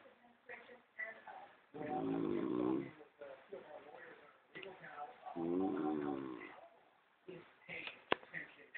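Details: Adult brother snoring, possibly hungover: two long, loud, rumbling snores about four seconds apart with softer breathing and throat noises between; snoring.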